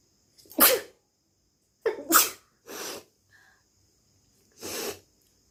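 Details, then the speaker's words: Deliberately induced sneezes during a sneezing challenge: two clear, loud, sharp sneeze bursts, each followed by softer breathy exhalations. "ঠিক আছে, তো এটা নিয়ে আমি আজকে হাঁচি দেবো। তো দেখি আমি কটা হাঁচি দেবো।"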